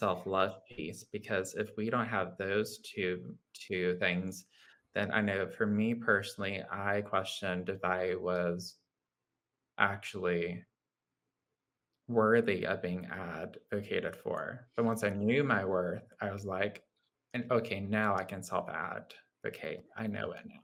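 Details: Adult man with lifelong childhood apraxia of speech: childhood apraxia of speech.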